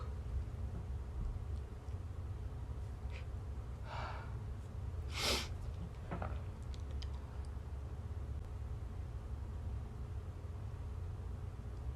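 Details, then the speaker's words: Partly stifled sneeze, which the person suspects is from allergy: a short, sharp, suppressed burst of air in a quiet room. "I meant to stifle that. I forgot. I'm sorry. I'm horrible."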